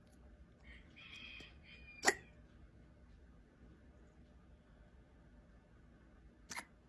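Two sharp, brief hiccup-like clicks about four seconds apart over quiet room noise, with faint squeaky sounds before the first.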